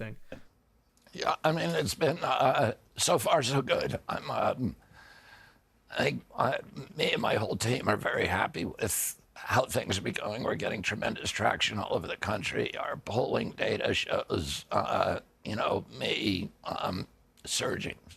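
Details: Adult man with spasmodic dystonia that began at age 42 in 1996, caused by an injury (neurological disorder); his voice was very strong before onset. Finding: spasmodic dysphonia.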